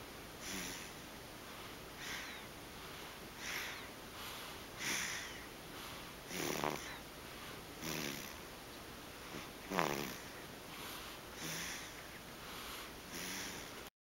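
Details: A sleeping baby, dreaming of sucking, gives soft, snuffly snores at about 39 breaths a minute, some with a light nasal rattle; snoring.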